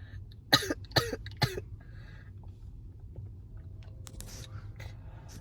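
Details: Reflex cough in a girl during a Covid-19 nasal swab test (swab placed about one inch into the nose for 15 seconds): three short, sharp coughs in quick succession, then quiet room noise.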